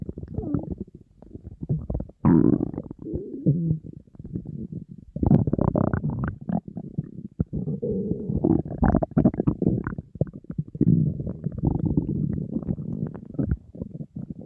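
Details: Person on a diet, very hungry, empty stomach: repeated gurgling, bubbling rumbles and squeaks; hunger growling, normal bowel sounds (borborygmi).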